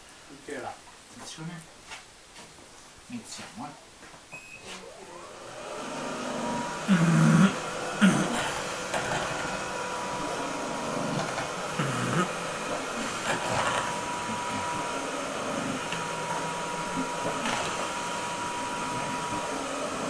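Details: Mechanical insufflation-exsufflation (cough assist) delivered through a tracheostomy to clear secretions: steady machine whoosh and hum with a few louder bursts, after quiet room sounds.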